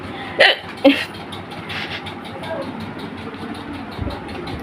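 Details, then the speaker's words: Two sharp, abrupt hiccups half a second apart over steady vehicle noise, from a person who says the hiccups started unexpectedly; hiccups. "So, I just got I don't know why, but I'm having hic- hiccups."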